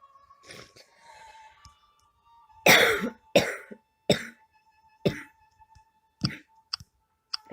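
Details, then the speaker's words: String of about seven harsh coughs of falling strength from an adult who says they have been sick, heard over faint game sound while playing a point-and-click game; cough. "coughed my mind out of working"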